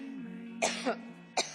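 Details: An adult woman, during a congressional hearing: three short, dry cough bursts as part of a coughing fit, over a steady musical hum; cough.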